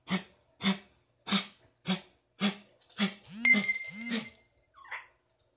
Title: coughing